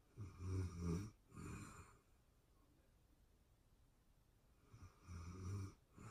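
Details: Real-time recording of a person asleep, excerpted from a longer session: two rattling snoring breaths several quiet seconds apart, each with a short break in the middle; soft snoring.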